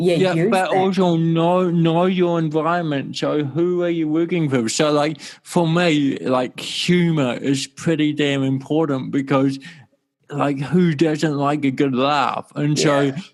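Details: Adult male with cerebral palsy since birth in 1984; his walking and talking were affected from the start; dysarthria (cerebral palsy).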